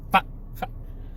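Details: Adult man with Tourette syndrome: two abrupt, brief, sharp wordless vocal noises; involuntary vocal tics.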